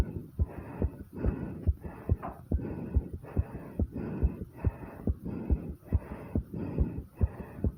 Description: I was asked to try to do a heartbeat video after 50 squats and as much as it hurt doing these this is my heartbeat as a result